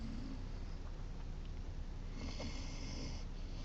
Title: Great Dane Puppy Snoring!